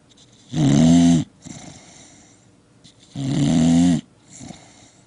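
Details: Two loud, rattling inhaled snores about three seconds apart, each followed by a soft exhale, from a sleeping pet dog: snoring.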